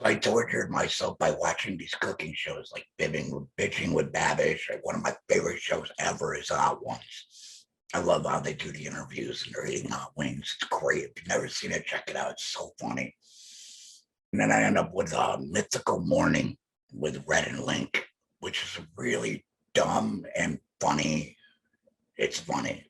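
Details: Adult male laryngectomee speaking with an electrolarynx held to his neck, his only form of communication; electrolarynx speech.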